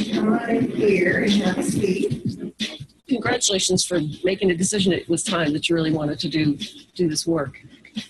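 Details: Adult speaker; no disorder.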